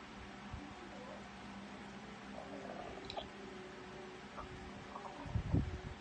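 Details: Soft gurgles and a louder rumble near the end over room hum after 15 hours without food; ordinary stomach growling (borborygmi).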